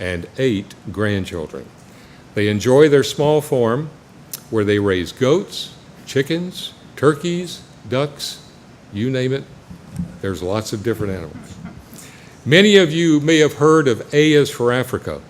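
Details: Adult male speaker; normal speech.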